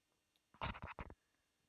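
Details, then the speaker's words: Old cat in palliative care with a broken jaw: a short series of crunching, grating clicks from broken bones while chewing, heard every time he eats; jaw crepitus. "It's the sound of broken bones grating against each other and that's what happens every time he eats"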